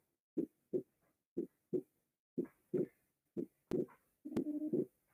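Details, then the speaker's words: Regular lub-dub heart sounds at about 60 per minute, with later beats showing a brief doubled second sound on inspiration: physiological splitting of S2. "entonces este desdoblamiento del segundo ruido puede ser fisiológico"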